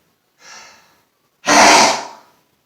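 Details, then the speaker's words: Adult man sneezing loudly after sniffing pepper on purpose, throat sore from a day of loud sneezing; soft in-breath then one loud explosive sneeze through nose and mouth. "my throat hurts today all i've been doing is that loud sneezing and my throat hurts but"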